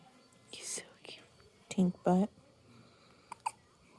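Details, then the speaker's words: Newborn with hiccups: two short, abrupt hiccup-like gasps amid soft whispering and quiet room noise. "parker's like get rid of these hiccups"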